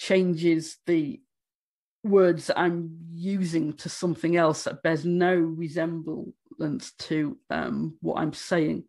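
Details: Stammering in an adult woman who states she stammers, speaking during a conference presentation.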